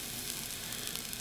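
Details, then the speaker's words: Child with wart present almost a year, after numbing cream: steady hissing, sizzling liquid nitrogen spray forming rim of frozen normal tissue, repeat deep freeze; liquid nitrogen cryotherapy spray. "and we'll give it another deep freeze wow that has to hurt folks this gal is so brave"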